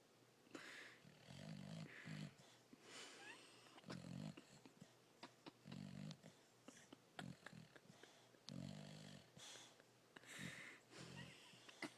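Short snorting, rattling breaths with soft snuffles and clicks in a quiet room. A dog snoring, not a wheeze.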